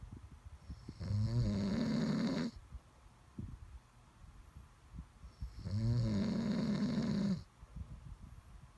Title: Snoring Sounds